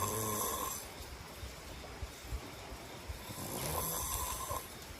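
Rough, rattling snore sounds with noisy breathing in a quiet room.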